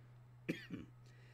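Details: Cough.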